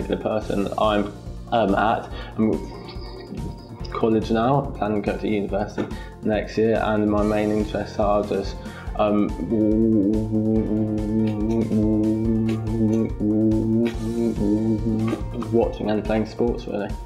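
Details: 17-year-old attending an intensive stammering therapy course, stammering for as long as he can remember; stammering.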